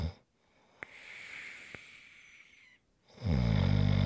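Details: Snoring: a soft, faintly whistling breath, a brief pause, then a loud, low, rattling snore.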